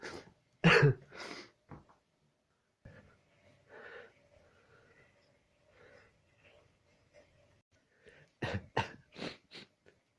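A loud explosive sneeze, quieter breathy throat noises, then a quick run of short sneeze-like bursts at the end.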